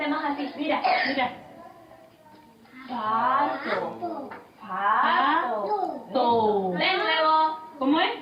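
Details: Patient with cleft lip and palate, recorded a couple of months later after speech therapy; compensatory articulation still present, though some phonemes are now well articulated. Compensatory articulation (cleft palate speech).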